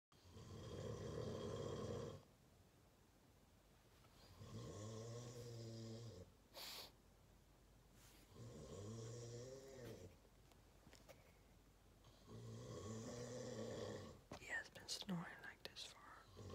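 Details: Dad snoring like an engine nightly: loud, rumbling snores on each in-breath, about four over sixteen seconds, with quiet out-breaths between; heavy habitual snoring.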